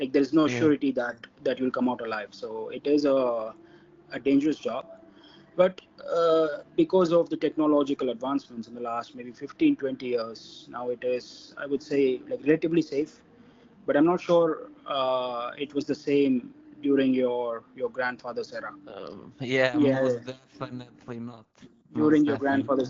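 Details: Adult man from India, a mining engineer described as a person who stammers; stuttering.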